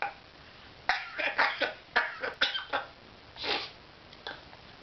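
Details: Pet bird, owner suspects a cold, later sneezes: a string of short, sharp, raspy cough bursts, some in quick clusters, in a quiet room.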